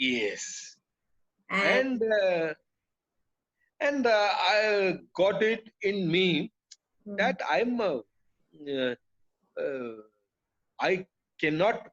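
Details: Adult man with aphasia after a haemorrhagic (burst) stroke that hit his speech centre; he was told he would never speak again; he relearned speech through years of speech therapy, and aphasia persists.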